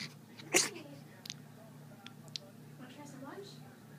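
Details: A single sudden, explosive sneeze followed by a few faint clicks and snuffles in a quiet room; a sneeze.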